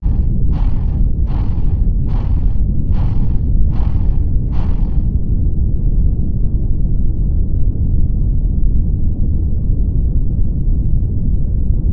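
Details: Korotkoff sounds while taking blood pressure (four Korotkoff phases): six regular tapping sounds about 75 a minute, then silence over a low rumble as the sounds fade out.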